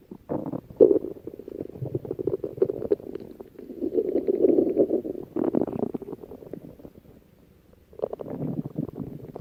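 Low gurgling, bubbling rumbles in irregular waves with a brief quiet gap near the end: ordinary stomach growling, or borborygmi.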